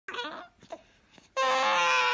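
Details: A 1-week-old newborn boy, said to be scared of his hiccups, makes a few soft fussing sounds, then a sustained high-pitched wail. An ordinary infant cry.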